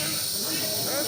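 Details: Child coughing for a week with cough and cold, receiving nebulizer treatment in a hospital: steady loud hiss of the nebulizer with faint voices underneath.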